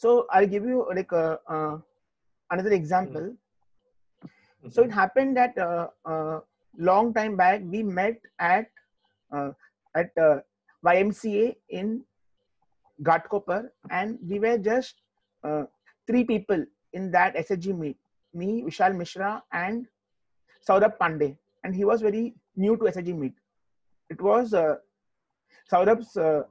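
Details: Adult man who stammers, speaking in an interview; stuttering.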